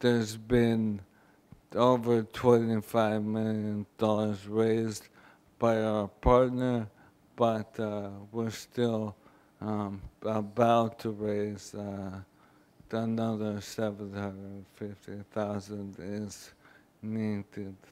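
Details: Adult man, former professional football player, with ALS (a terminal illness), speaking on a 2012 panel; dysarthria (ALS).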